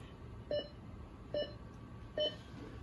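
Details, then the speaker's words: Three short, evenly spaced bedside monitor beeps at about 70 a minute: the audible SpO2 pulse (QRS volume) tone, switched on in a neuro/surgical ICU so a decline can be heard during rapid-onset medication procedures. "So while we are doing a procedure on a patient and we're using our rapid onset medications, we're doing some type of procedure that requires that, we can hear if they're declining."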